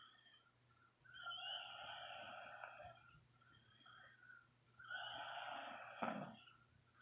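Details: Two long, raspy, whistling snores about four seconds apart, snort at end of the second, from a sleeping adult man; boyfriend's snoring.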